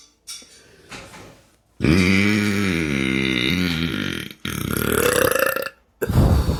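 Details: Deliberate, practiced voluntary burping by someone still learning it: several loud, long belches in a quiet room, one drawn out with rising and falling pitch.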